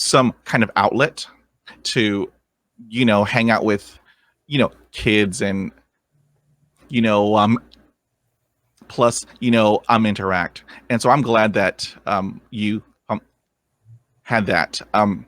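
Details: Adult man who has stuttered since growing up; real, unscripted adult stuttering.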